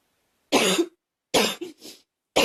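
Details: Three short, dry acted coughs from a girl, separated by brief pauses; a plain imitated cough.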